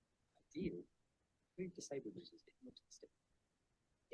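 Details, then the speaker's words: Simulated conductive hearing loss: very faint, muffled speech, barely audible, showing how sound is perceived with conductive hearing loss. "et enfin la surdité de transmission là il faut tendre l'oreille on entend pratiquement plus"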